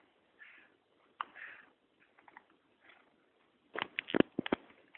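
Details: A cat gives soft, quick puffs of air, the clearest with a sharp start and brief hiss: small feline sneezes, followed by tapping and shuffling noises nearby.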